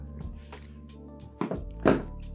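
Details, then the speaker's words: Simulated reenactment of exploding head syndrome, the loud, scary auditory hallucinations heard right before falling asleep: a low humming drone broken by sudden loud thuds. "itory hallucinations right before you go to sleep, and you hear really loud and scary noises, and I'm making this video to show you what it's like."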